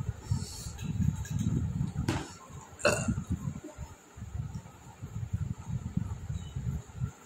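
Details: Two abrupt throaty hiccups with burping over low rumble, real hiccups after eating whole very hot chillies without drinking water for a long time.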